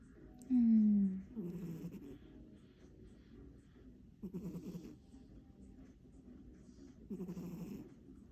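Soft rough rattling breaths at about 20 a minute, after a brief squeak, in a quiet room: snoring in a sleeping cat.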